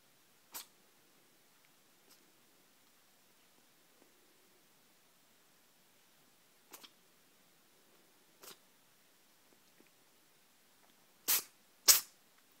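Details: New kitten with the sniffles sneezing: several short, sharp sneezes, the last two louder and close together, in a quiet room.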